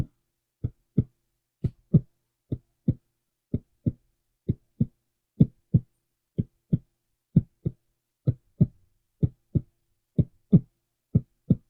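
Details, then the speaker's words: Steady paired lub-dub heart sounds, about 62 beats a minute, regular rhythm, no extra noises, stethoscope on front of chest during deep breaths in an acted ASMR doctor roleplay; judged normal heart sounds. "Okay, perfect. Everything looks good with that there. So I don't think we have to worry about your breathing and your heart seems to be in great working order."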